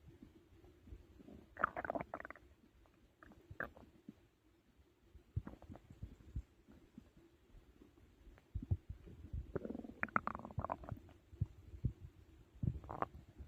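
Irregular gurgling and rumbling bowel sounds in bursts with quiet gaps: ordinary stomach growling during digestion after a large meal.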